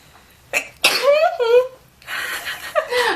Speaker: The allergies are real, y'all. I don't know where these came from. I did just vacuum here.